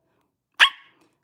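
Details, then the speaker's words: Young woman with Tourette syndrome makes a single sudden, sharp bark-like vocal sound; simple vocal tic, said to come with an immediate urge and not to occur during sleep; vocal tic (barking). "Stop doing that. I can't. It's a tick."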